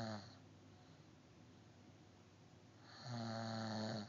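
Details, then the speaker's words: Woman who doesn't believe she snores, recorded asleep: two loud, buzzing, low-pitched breaths separated by quiet breathing; typical snoring. "doesn't believe that she snores. Let's check this out."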